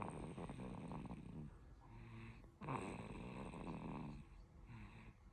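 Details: Soft, rattly snoring with each breath in a sleeping, tired 5-month-old baby, with a brief pause partway through; snoring.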